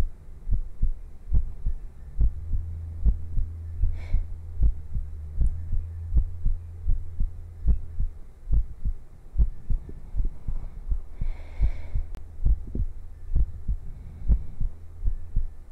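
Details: Steady low thumping heartbeat at about 72 beats a minute over a constant low hum; regular heart rhythm.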